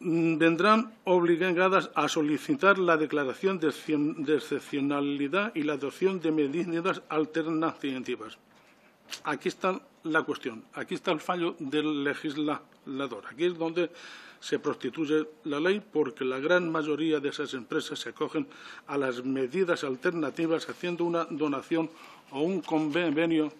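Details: Adult man who stutters (real, self-reported), speaking before a parliamentary commission; stuttering.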